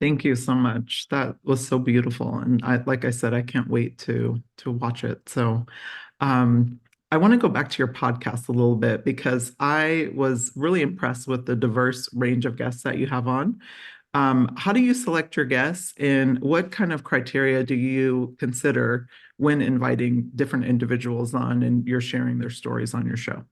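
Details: Adult speaker; typical speech.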